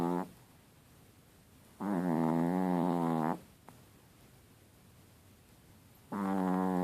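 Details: Chihuahua snoring: two long, tonal, buzzing snores a few seconds apart over room hiss.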